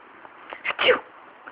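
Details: Female dog sneezing on owner's prompting: a small, quick snorting sneeze with a faint intake just before it; an ordinary sneeze.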